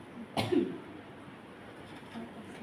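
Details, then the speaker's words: A single short, harsh cough against quiet room noise, then near silence, heard during a nursing vital-signs and chest examination demonstration; one isolated cough. "kalau ada orang lagi batuk batuk sudah hak Nah itu kemungkinan suara nafasnya akan berubah silakan nanti di Siapa yang batuk tadi"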